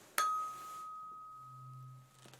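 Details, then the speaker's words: A tap, then a clear, steady, sustained pure ring fading slowly; tuning fork struck for a simulated hearing-test role-play, listener asked to indicate left or right side of sound. "I have my tuning fork which is just here I know it looks a little bit funny but it makes a really nice sound I promise okay"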